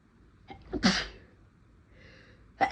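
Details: Several induced, hitchy sneezes from a tickly nose: a catching breath in, one sharp explosive sneeze, a brief quiet gap, then the start of another; an attempt to stifle one didn't work.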